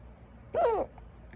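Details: Loud, violent hiccups that started suddenly after eating a small salad and lasted about ten minutes; a single abrupt voiced 'hic' with a brief squeak in a quiet room.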